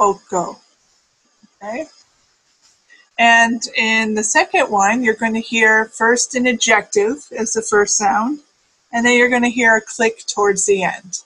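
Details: Adult speaker; normal speech.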